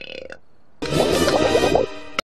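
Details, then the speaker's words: Cartoon burp from an animated female character: a long, rumbling belch over background music. "that was my celebration burp oh okay here's mine"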